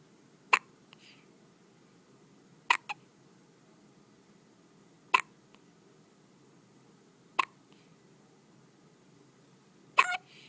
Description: has the hiccups